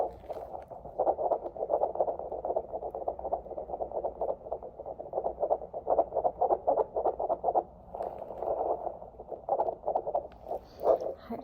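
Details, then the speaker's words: Doppler fetal heartbeat at a 27-week prenatal visit in an ASMR recording, possibly role play: fast, steady whooshing pulses averaging in the 160s per minute, within normal limits; normal fetal heart tones. "tones are within normal limits. They are averaging in the 160s today."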